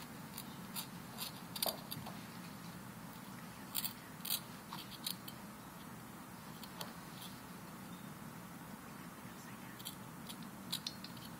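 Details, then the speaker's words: Simulated dental hygiene demonstration, operator at 8 o'clock scaling facial surfaces toward on the lower anterior teeth, chin lowered, from line angle or midline: brief scraping clicks and scratches as a hand scaler removes calculus. "So I'm going to do surfaces towards from the facial. And you could start at the line angle here and roll in."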